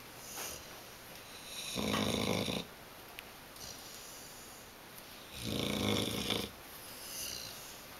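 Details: Buster, 7-month-old Bullmastiff-Boxer mix dog, asleep: two loud rattling snores about four seconds apart with quieter breaths between; snoring.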